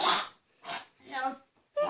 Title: Weird person sneezing